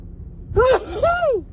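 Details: During a cold with a stuffy nose and nasal tickle: two quick voiced in-breath gasps, the second trailing off, as a sneeze builds but does not come; pre-sneeze gasping.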